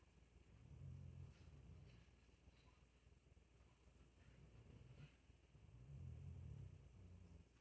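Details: Sleeping pet's quiet snoring: low, soft rumbling snores rising and fading with each slow breath, two breaths in about seven seconds.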